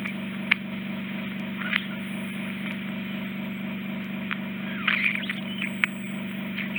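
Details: Endoscopic microsuction clearing severe ear wax impaction from a woman's left ear: steady low suction hum with sharp crackles and slurps as wax enters the tip; straightforward removal, potential attic (superior-posterior) cholesteatoma noted afterward.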